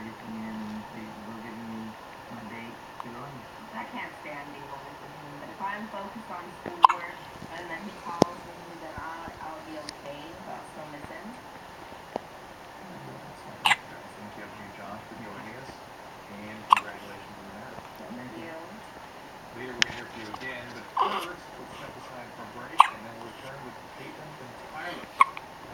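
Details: Sharp, brief clicking hiccups from a 4-day-old baby girl, recurring every few seconds over quiet adult talk in a room; hiccups.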